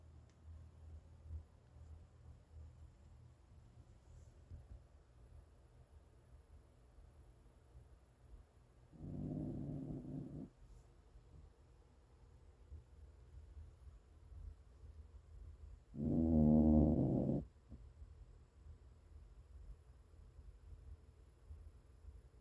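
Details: Chinese Crested hairless dog snoring while napping: two low, rumbling snores with quiet breathing in a still room between them.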